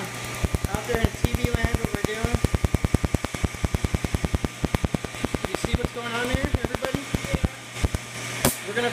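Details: Laser tattoo removal on a man's neck (collar tattoo), under a minute, with air cooling on: rapid regular snapping laser pulses, about two per second, with faint talk behind.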